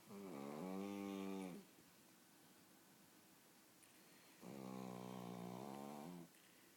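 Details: Pug snoring: two long, loud, buzzing snores separated by quiet breathing out, a snoring pattern typical of a flat-faced dog.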